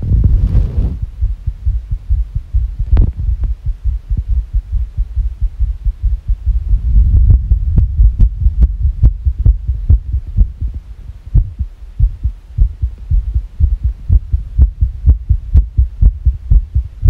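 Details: Rapid, unevenly spaced heart thumps at about 130 a minute over a low steady hum, labelled as a sick heartbeat: fast irregular heartbeat.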